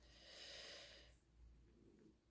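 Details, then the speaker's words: A pet cat sleeping beside the speaker: soft, airy snorting breath, a quiet snore. "Alors, si vous entendez ronfler, c'est mon chat qui est juste à côté de moi."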